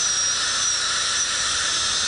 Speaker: So we're going to take an impression of this so we can make a temporary after we get all of our teeth prepped back. So we're going to cut this temporary crown off here.